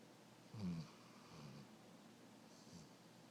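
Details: Snoring from a Weimaraner dog sleeping on her back on owners' laps, happening only every so often: soft, low rumbling snores in a few brief bursts in a quiet room.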